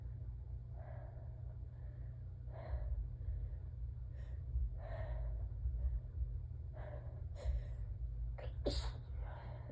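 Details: Repeated muffled, partly stifled allergic sneezes with gasping inbreaths over a steady low hum; sneezer has a peppermint in the mouth, so some sound strangled; one drop of blood noted earlier.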